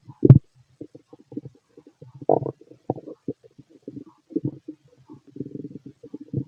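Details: Stethoscope over the stomach of a fit adult male digesting pastry, chicken, curry, bread, milk, eggs and pasta: irregular low gurgles and rumbles, ordinary bowel sounds.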